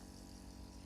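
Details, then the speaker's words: Nebulizer compressor running normally after repair and servicing: steady low motor hum with rapid even pulsing. "আমাদের এই মেশিনটি সব ঠিকঠাক চলতেছে। সবকিছু ঠিকঠাক আছে।"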